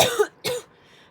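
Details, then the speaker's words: Two short, harsh cough bursts from an adult with asthma who reports recent shortness of breath, followed by quiet. "because of my coughing and my asthma so yeah"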